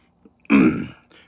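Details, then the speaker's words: Adult man sneezing while smoking a cigar; single forceful half-second sneeze burst with a low, rough growling voice running through it; he says he always growls when he sneezes. "that one got me to sneeze as well yeah yeah um it's it's odd I growl when I sneeze"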